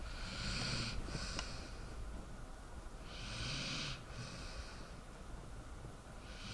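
Soft snuffly breathing sounds with a faint snore, over steady hiss: a sleeping dog snoring.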